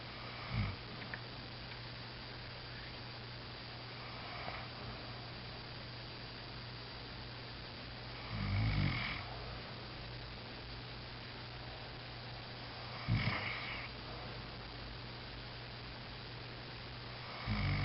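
Four short, rough snores several seconds apart over steady room hum; snoring.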